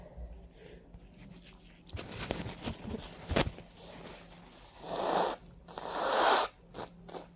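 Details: Congested sniffing and noisy breaths, then two forceful, wet sneezes, from a stuffy person with a runny nose and watery eyes who attributes it to ragweed and dust allergy; sneezing.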